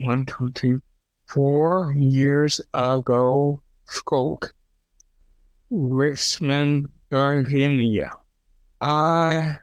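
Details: Stroke survivor with fragmented, paraphasic speech; aphasia.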